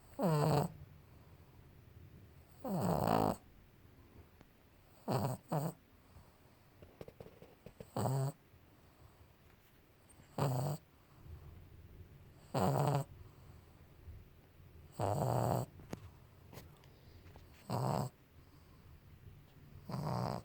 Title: Pug pablo snoring